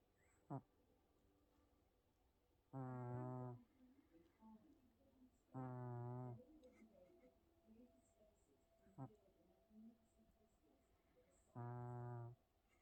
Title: Tippy the cat snoring and Twitching